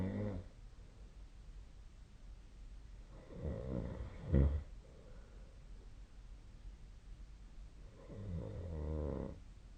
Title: 🐽 本日のイビキ / Snoring Sleep Sound 2025/02/06